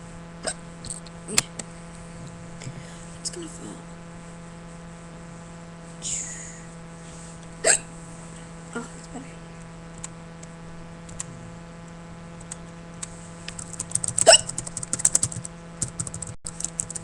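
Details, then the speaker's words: A person gets sudden hiccups while watching TV late at night and complains of a stomach ache: brief, sharp, involuntary gulping catches recurring at irregular intervals over a steady background hum. "I have the hiccups. My stomach hurts."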